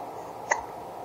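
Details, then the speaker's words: Single short, sharp hiccup from a one-month-old baby boy; hiccups. "those hiccups are annoying huh"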